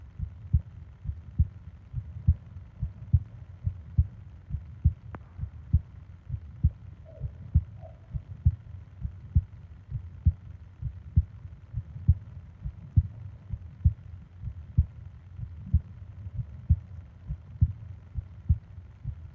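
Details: Heartbeat and breathing sounds for ASMR sleep: steady low thumps at about 67 beats a minute with soft breathing noise behind; an ordinary heartbeat.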